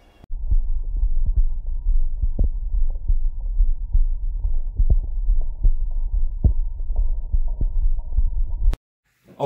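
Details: Normal heart sounds of a young boy recorded by the grandparent with a STEMOSCOPE digital stethoscope for about 10–15 seconds: steady soft lub-dub thumps, no murmur.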